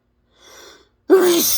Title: spray sneezes, huge messy